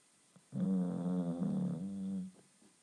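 One long, loud, rattling snore lasting nearly two seconds, with a deep, buzzing tone.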